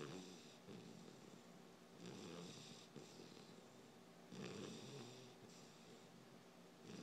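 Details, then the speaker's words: 12-week-old Beabull puppy asleep, snoring surprisingly loudly: rhythmic snuffling snores with each breath, roughly 25 a minute, against faint background hiss; snoring. "um i cannot believe how loud this poor puppy can snore it's crazy"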